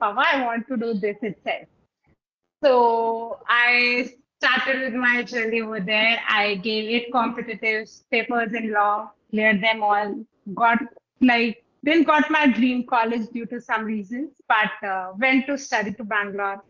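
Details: Adult woman speaking; typical speech.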